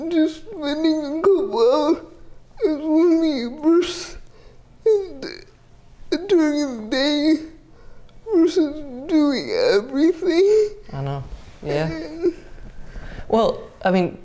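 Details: 30-year-old woman with GMFCS Level 4 cerebral palsy, quadriplegia with an athetoid component, affecting the speech muscles so her speech may be unclear; dysarthria (athetoid cerebral palsy).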